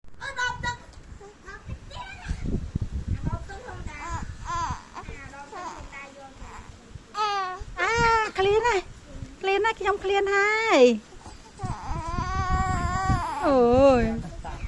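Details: Fussy infant whimpers building to rising, wailing cries between quiet breaths, with an adult voice nearby saying the baby is hungry; a hungry baby's cry.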